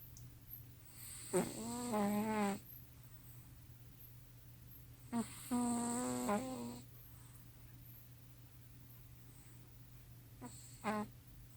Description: Simba and Prissy snoring very loudly. Who snores loudest? Who has the funniest snore?